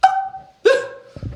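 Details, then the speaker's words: Simple vocal tic in an adult man with Tourette syndrome: sudden, loud, high yelping bursts without words, which he often makes without realizing. "Yeah, but yeah, Tourette's is a very embarrassing condition because I've been in many public places where, I mean, just imagine walking to a public place and then you just scream randomly for no reason, and then everyone stops because it's very unusual."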